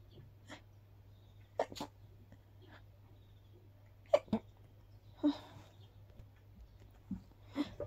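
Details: Breathy sneezing after a walk in the park, attributed to grass pollen allergy.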